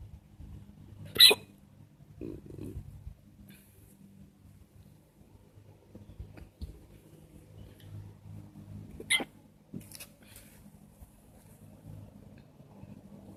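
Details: Outdoors at a park: two sharp, abrupt, loud hiccups several seconds apart over quiet background noise; ordinary hiccups.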